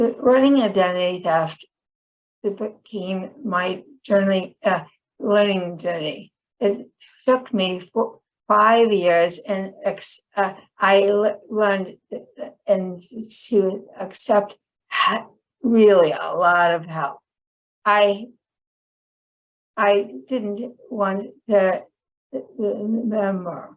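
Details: Woman with chronic aphasia after a 2010 stroke that initially left her unable to speak; she had to relearn speech; finding: aphasia.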